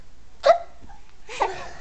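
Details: Simulated hiccups made to amuse a 5-month-old baby: two short, sharp, gulping bursts about a second apart; imitation hiccups, not real ones.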